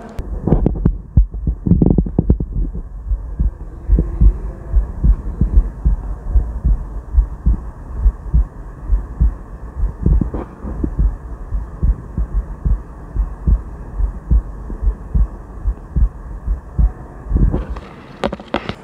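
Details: Regular low thumping normal heartbeat, about 73 beats a minute, over a steady hum, heard through the diaphragm of an ELKO EL 050 Alpha Tone budget stethoscope during a sound-quality test.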